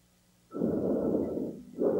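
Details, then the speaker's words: Normal breath sounds of healthy lungs, played for contrast with asthma: a soft, smooth, airy breath of about one second, then the start of another, with no wheeze. "is the sound of healthy lungs."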